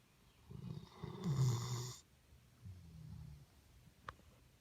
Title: my dog snore 2